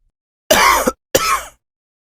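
Two harsh, short throat-clearing bursts from a cartoon or game character; ordinary throat clearing.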